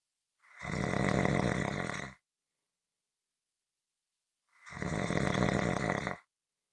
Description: This is a 15-minute audio clip of Snoring.